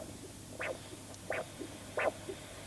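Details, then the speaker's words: Simple Doppler ultrasound probe with gel on a person's skin, aligned along a blood vessel: regular pulsing whooshes, one per heartbeat at about 85 a minute, over faint hum, a normal arterial Doppler signal. "there it is where it is we can hear it's a whoosing sound whooing sound and there's one whoosh for each of your heartbeats"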